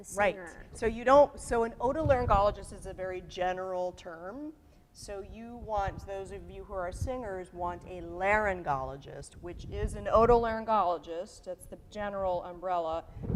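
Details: Adult woman speaking; Normal voice.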